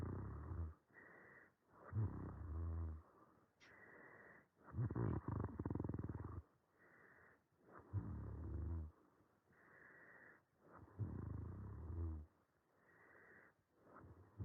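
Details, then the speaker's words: Adult man's overnight sleep study audio, with normal AHI, ODI and mean saturation: loud, rough, low-pitched snores with pauses and irregular, effortful rhythm, about 14 to 16 a minute; obstructive snoring throughout respiratory events. "okay so what you i hope you can appreciate from that is that he has obstructive snoring um throughout these respiratory events"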